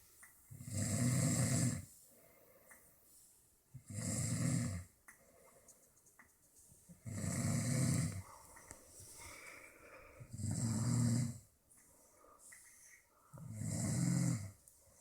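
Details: Father and son snoring: deep, rattling snores about 19 per minute, fairly regular, with softer breathing noise between; snoring.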